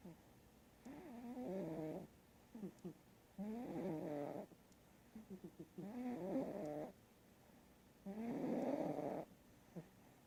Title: Mango snoring